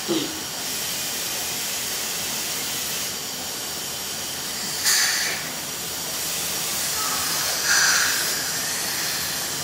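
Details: Steady loud hiss of dental suction and air-water spray with brief louder bursts during a routine cleaning and fluoride visit of a 5-year-old girl, previously treated for a cavity with drilling and filling.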